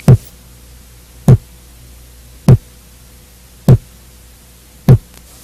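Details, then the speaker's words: Heart auscultation in an adult: the second heart sound follows a short silence, from closure of the aortic and pulmonary valves, higher-pitched and shorter than the first heart sound: second heart sound (S2). "E aí é a segunda bolha vem depois de um curto silêncio corresponde ao fechamento das valvas aórtica e pulmonar o som da segunda bulha é mais agudo e sua duração é menor quando comparada a primeira bulha"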